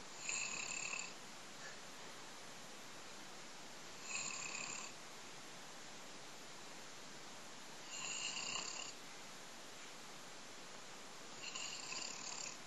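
Regular hissing, whistling breath sounds about every four seconds over steady noise; snoring during sleep.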